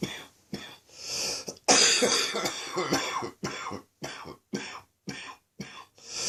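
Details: Adult with an ongoing chest infection, afternoon: a loose, rattling run of repeated coughs, a productive chesty cough.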